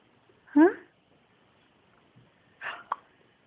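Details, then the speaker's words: 6-day-old newborn girl with her second bout of hiccups: a short squeaky hiccup, then after a pause a softer hiccup with a click. Infant hiccups. "You've got some hiccups, haven't you? It's the second time now you've had hiccups."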